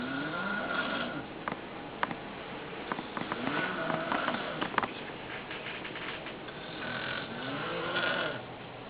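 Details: Dad snoring during sleep: rough, buzzing breaths rising and falling over a few slow breaths, with faint clicks and room hiss.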